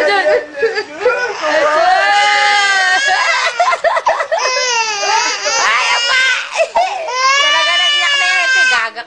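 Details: A baby being teased by family cries loudly in sustained, strained wails with brief catches of breath between bursts.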